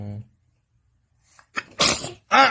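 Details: Baby sneezing at dad while taking a selfie: a short voiced sound, a pause, then a sharp burst with a quick wet follow-through, a single infant sneeze.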